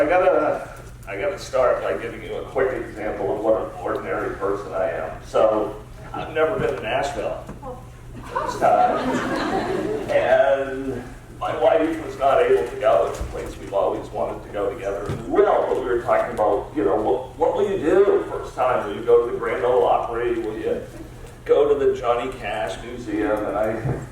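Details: Spasmodic dysphonia, a rare neurological disorder affecting only speech with no known cause, in an adult man diagnosed about seven years earlier and treated with periodic Botox injections.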